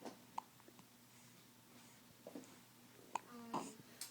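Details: Awake, fed, just-dressed infant boy: soft, sharp, irregularly spaced hiccups, about four in four seconds, with faint babbling and room noise; hiccups.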